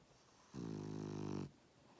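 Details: French Bulldog asleep in a lap, snoring: one long, buzzing, rattly snore lasting about a second, a loud vibrating breath noise during sleep.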